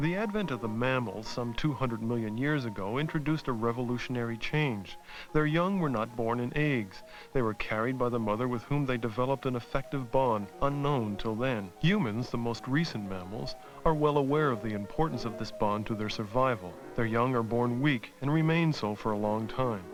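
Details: Adult male narrator with background music; normal speech.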